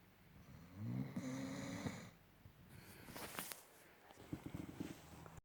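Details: Snoring German Shepherd dog: a low rattling rumble on each breath, mixed with snorting and shuffling noises in a small room.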